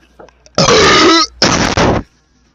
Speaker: Do you think I will be able to achieve another legendary burp today?